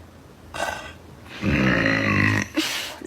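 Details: Girl gives a short grunt, then a long, loud voiced belch lasting about a second, followed by a brief sound; a single prolonged burp.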